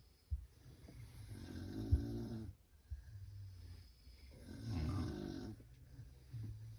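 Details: Loud snoring in a sleeping woman: two slow, rough, rumbling breaths with a low fluttering quality, about three seconds apart.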